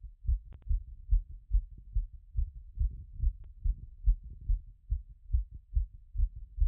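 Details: Stethoscope recording of a person's own heart after a workout; it had been around 180 and was settling by the time of recording. Quick, regular beat at about 140 a minute. Fast heart sounds after exercise.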